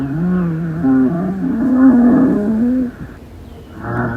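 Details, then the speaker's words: Rhonchi: low-pitched, snoring, continuous adventitious breath sounds from air passing large airways partly obstructed by secretions, mucus or inflammation; heard mostly on expiration, may change or clear after coughing. "Los roncos o roncos son ruidos respiratorios adventicios continuos de tono grave y carácter de un ronquido. Estos son producidos por el paso de aire a través de las vías aéreas grandes, parcialmente obstruidas por secreciones, moco o inflamación."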